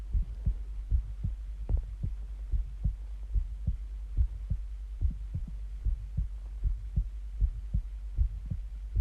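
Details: Steady, regular lub-dub heartbeat of about 76 beats a minute over a low background hum, recorded alongside breathing sounds with occasional stomach growling; a normal heartbeat.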